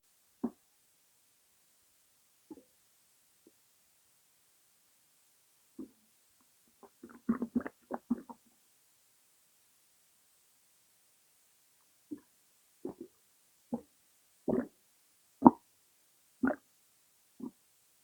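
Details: A person's stomach rumbling (borborygmi), possibly with bloating: scattered soft low gurgles and short bubbling runs with quiet gaps between them.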